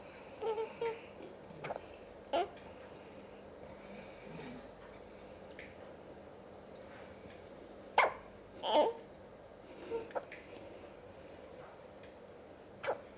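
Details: Newborn two and a half hours old making brief, sharp hiccup sounds at irregular intervals over quiet room noise; hiccups.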